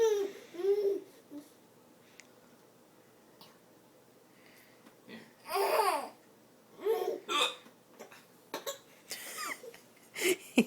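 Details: Hiccups in an adult man while he feeds a baby yogurt: several brief, abrupt vocal bursts between quiet gaps, with the baby laughing and babbling at the hiccups.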